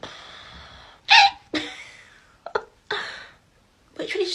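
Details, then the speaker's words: Person apologizing for annoying hiccups in a comedy short; sudden short voiced gulps break into quiet breathing several times in a few seconds, giving repeated hiccups. "I'm sorry about my hiccups by the way they are so annoying"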